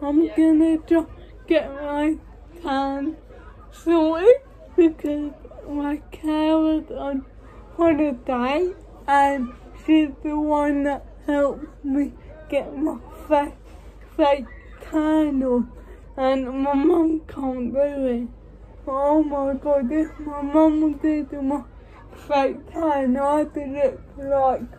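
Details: Dysarthria in a woman with cerebral palsy, speaking English.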